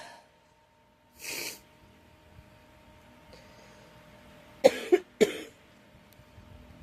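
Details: Girl with a cold coughing in a quiet room: a single cough, then after a pause a quick burst of three coughs.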